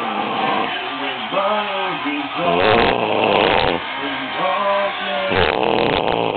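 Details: Very loud snoring.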